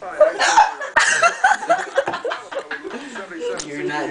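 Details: Hiccups in a person who is drunk.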